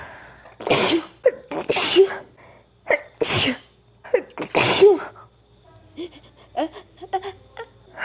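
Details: Sneezing fit: a rapid run of sharp, explosive sneezes, about seven in eight seconds, each preceded by a short intake of breath; part of a run of 21 sneezes.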